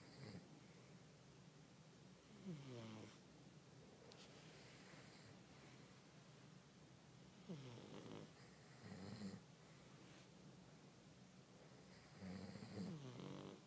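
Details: Pug snoring while asleep in bed: quiet, irregular snuffling snores with brief whistling notes; snoring.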